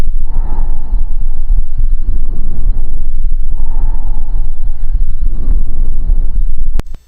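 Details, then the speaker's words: Loud, harsh, hollow breath sounds heard by stethoscope over the right mid-lung field, where imaging shows opacity from pneumonia consolidation: bronchial breathing. "nós temos um indivíduo que no campo médio do pulmão direito tem uma imagem de opacidade correspondente a uma pneumonia uma condensação se nós colocarmos o estetoscópio aqui nessa região nós vamos ouvir um som que é da seguinte natureza"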